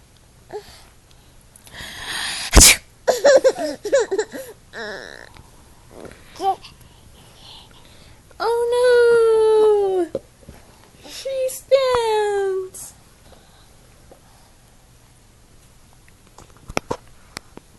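A sharp adult sneeze burst, followed later by a baby's high-pitched squealing laughs in a quiet room.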